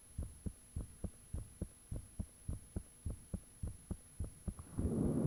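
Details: Self-recorded own heartbeat with fan off, made shortly after the heart began feeling very thumpy; clear, fast thumping about 110 a minute over a steady high hum, rustle at end; heartbeat.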